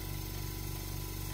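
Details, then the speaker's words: Clinic suction machine for ear procedures (Hospivac 400) turned up to around −600 mmHg, with weak pull at the probe: a steady low motor hum with a fast, even pulsing throb. "let's crank up the power actually so it's around minus 600 millimeters of mercury and again you just get focus on it it's really not pulling on my glove that much"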